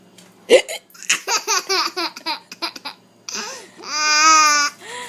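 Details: Series of short, sharp, voiced hiccup bursts in quick succession, followed by a young child's laughter; the caption credits the hiccups to the mother, while a speaker says the baby got the hiccups.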